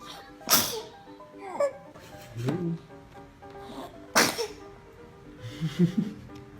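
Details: Baby who sneezes whenever being fed: two sharp, explosive infant sneezes a few seconds apart, small vocal sounds between, music in background; sneezing.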